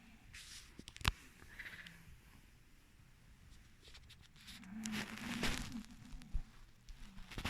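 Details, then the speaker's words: Sleeping bulldog snoring in bed: quiet, rough, low snorting breaths, faint against room noise with a few clicks and knocks. "Bosco's actually in bed too if you want to see them you can hear them in the background snoring"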